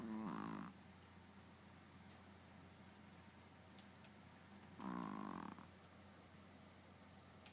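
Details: Two short, raspy, whistling breaths about four seconds apart over a steady background hum; light snoring.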